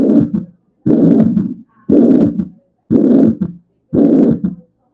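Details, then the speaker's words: Heart sounds from a patient with mitral regurgitation, with the patient's breathing heard intermittently: S1, then a holosystolic (pansystolic) murmur, S2, and an S3 gallop; the S3 indicates regurgitation of at least moderate severity. "pero después de la respiración el siguiente ciclo se escucha muy bien el S1, después se escucha el soplo pansistólico o lo sistólico, el S2 y el S3."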